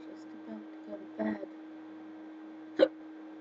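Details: Persistent hiccups in an adult at 3:30 in the morning, preventing sleep: two sharp hiccup jolts about one and a half seconds apart over steady room hum, with faint breathy sounds.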